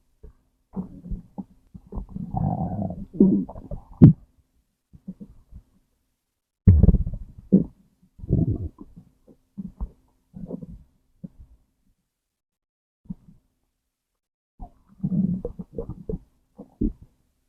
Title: Stomach growl #1